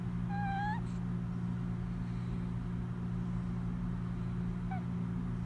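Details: Sleeping cat snoring: two short, high, squeaky whistling tones a few seconds apart over a steady low background hum.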